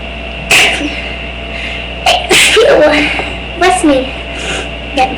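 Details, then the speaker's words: Person deliberately provoking sneezes by smelling perfume: two or three loud, explosive sneezes with brief voiced sounds between them, over a steady electrical hum. "There you go. That was a real sneeze. Barely came up."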